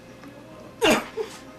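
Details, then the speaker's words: 22-year-old male with Tourette syndrome, before oral appliance treatment, makes brief, abrupt, wordless vocal bursts he cannot control. He also has constant facial tics and head movements. Vocal tics. "he's a Tourette's patient with all kinds of facial ticks and head movement disorders and vocalizations that he cannot control"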